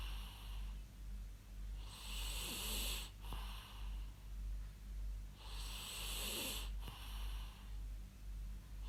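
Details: Recorded snoring of a real sleeping adult human, used as white noise: two long, rasping breaths a few seconds apart over a steady low background hum.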